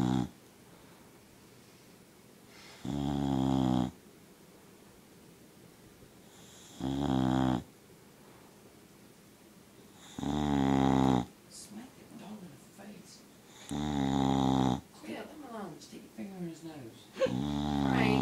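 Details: A sleeping dog snoring like an old man: loud, rumbling snores recurring every few seconds, about 13 a minute, with quiet pauses between.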